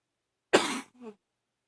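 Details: Single loud, harsh barking cough with a brief tonal wheeze from an adult who woke up this morning coughing; allergies suspected.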